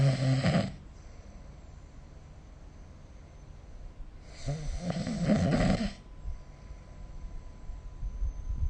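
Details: Person asleep, recorded with the SnoreLab snoring app: loud, rough, rattling snores on each breath in, roughly every four seconds, with quiet pauses between; typical snoring.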